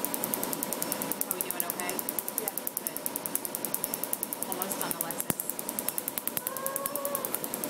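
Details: Rapid, steady train of sharp snapping clicks, several each second, over a hum and faint room noise: a laser tattoo removal device firing pulses during a client's first removal session at a clinic.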